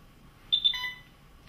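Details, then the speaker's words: Brief high electronic beep sequence in a quiet skills lab as an Alaris IV infusion pump is switched on for a training demonstration; silenced by pressing the yellow button; IV infusion pump alarm. "if it makes a noise i always think it could be the middle of night turn that to hit the yellow button and that will silence it"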